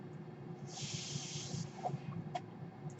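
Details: A person's own home mechanical ventilator is heard while they talk: a single soft airy hiss of about one second rises over a steady low room hum, then fades, as one delivered breath.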